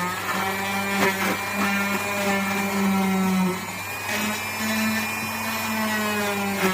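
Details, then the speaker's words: Steady buzzing motor whine with slight pitch changes: a cast saw starting to cut a modern plaster leg cast off a frightened female patient in hospital. "प्रथम हे जेव्हा मी machine पाहिलं ना माझी तर बोबडीच वळाली म्हटलं अरे देवा हे कटिंग करताना माझ्या पायाला इजा झाली तर काय करू"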